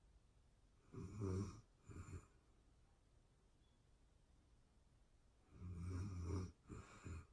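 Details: Real-time recording of a person asleep, excerpted from a longer session: two deep, buzzing snores, each followed by a shorter second snort, with quiet pauses between; ordinary snoring in a sleeping adult.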